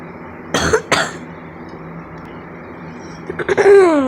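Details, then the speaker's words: Child with a very bad cough: two sharp coughs over steady background noise, followed by a short vocal sound. "Sorry, I have a very bad cough."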